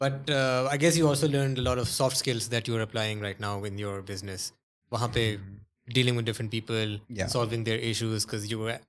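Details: Adult male speaker; normal fluent speech.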